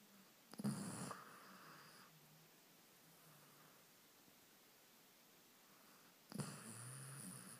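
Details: A dog snores on a sofa in the evening after a busy day of biking, recorded on an iPhone: two rough snoring breaths about six seconds apart, each trailing into a low whistling exhale, in a quiet room.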